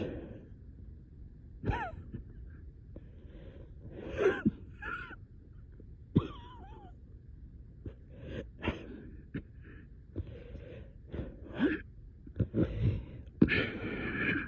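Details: Coughing fit at 3am, repeated coughs with strained, gasping, whistling in-breaths between, with reported shortness of breath.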